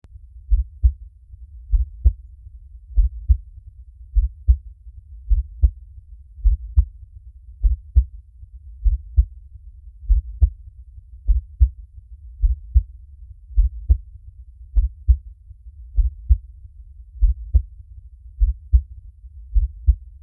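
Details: Steady, deep paired heartbeat thumps at about 50 beats a minute with a regular lub-dub rhythm: a normal heartbeat.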